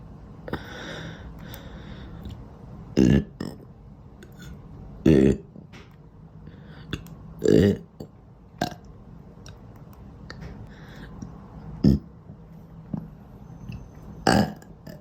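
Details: Person burping repeatedly and unable to stop: loud, deep burps about every two to three seconds, roughly six in fifteen seconds, over steady room noise.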